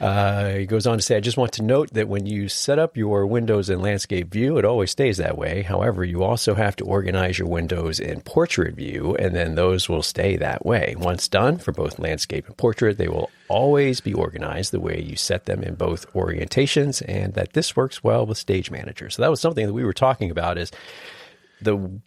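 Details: Adult male speaker; normal speech.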